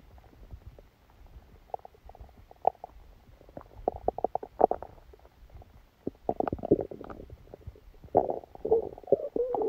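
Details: Active bowel sounds with frequent gurgling and bubbling rumbles in clusters, growing busier toward the end, recorded while sleeping with a stomachache that began after Christmas dinner.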